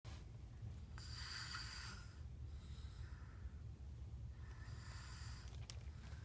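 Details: Two or three soft, hissing, noisy breaths at slow intervals over low hum inside a van, a sleeping dog (Lexi) snoring while Sophie chews; snoring.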